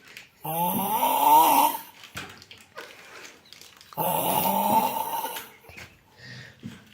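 Two long, loud, rough inward snores with a buzzing, hissing quality, separated by quieter breathing; heavy snoring.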